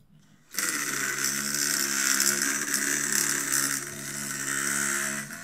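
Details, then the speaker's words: Two-wheeled walker with bare rubber tips on the back legs, no glides or skis: loud, harsh scraping and rattling as the back legs drag across the floor; glides or skis are needed. "they're walking with just the tips of their walker on the back legs but they don't have any glides or anything to help them push it more easily so this is if your walker sounds like this then you need to put glides or skis on the back of your legs"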